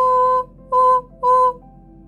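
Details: Adult singer (vocal coach demonstration); normal clear sung voice.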